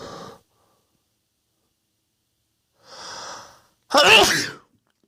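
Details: Big sneeze: breathy intakes followed by one loud, explosive sneeze.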